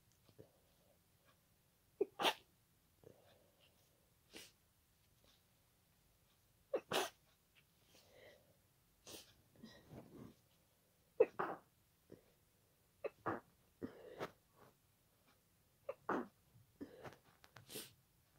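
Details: Night-time sneezing fit attributed to pollen, with congested nose, watery eyes and nasal tickling: a run of sharp, wet sneeze bursts with quiet snuffling breaths between them in a quiet room.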